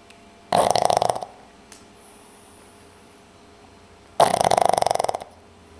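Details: Snoring: two loud rattling snores about three seconds apart, each a rapid flutter under a second, with quiet breathing between.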